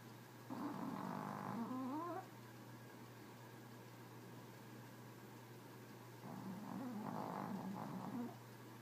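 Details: Snoring in a chihuahua: two drawn-out, squeaky, wavering snoring breaths with a quiet hum between them.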